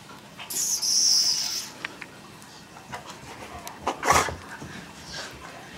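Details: Rescue dog (female) sneezing non-stop with excitement as a walk outside seems about to happen: a few sharp, hissing nasal bursts with a squeaky sound near the start; sneezing.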